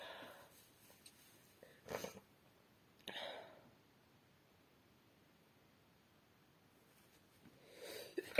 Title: Sneezing into a handkerchief and napkins (F)